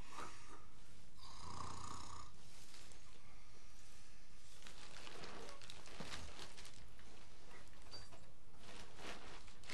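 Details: Adult woman sleeping outdoors at night in a jungle camp: low, rough snoring, with insects and other night noise in the background.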